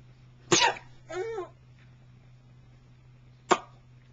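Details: Father's imitated sneezes, with a child laughing in response: two sharp fake sneeze bursts with a short voiced sound between them, over a steady room hum.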